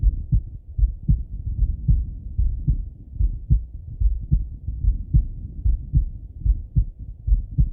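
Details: Male heart auscultated with a stethoscope, recorded either sitting at a desk or lying in bed: steady regular lub-dub about 74 beats a minute, no added sounds; normal heart sounds.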